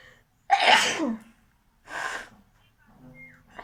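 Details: Performed sneezes in a sneezing challenge video: a loud sneeze burst then a softer one, with faint room noise afterward.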